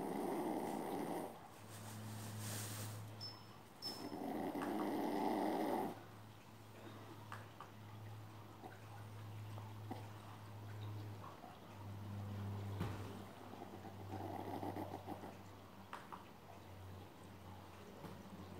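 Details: A sleeping dog: soft, low, rumbling snores in a quiet room, with a few louder rasping breaths early on; ordinary sleep snoring.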